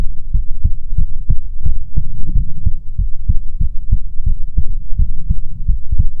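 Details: ASMR recording of soothing heartbeats: steady deep paired thumps at roughly 100 beats a minute, loud and close with a low hum; heartbeat.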